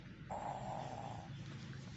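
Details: Sleeping baby snoring.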